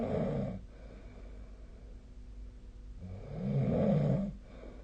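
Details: Snoring during sleep recorded with the SnoreLab snoring app, 2025/01/16.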